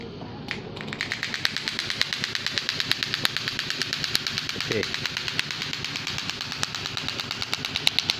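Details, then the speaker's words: Rapid sharp clicking pulses, about three a second, over low room noise from an SW12 extracorporeal shockwave therapy device treating a male client's problem thighs and toes (unclear in speech) for pain relief. "we have machines like shop with therapy SW 12 this is serene my customer he is here to do some shock wave on problematic ties and toes"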